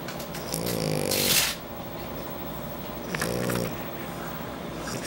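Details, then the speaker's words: Two rough, snorting snores with a nasal rattle over steady room hiss; noisy snoring in a sleeping Shar Pei dog. "Snoring baby."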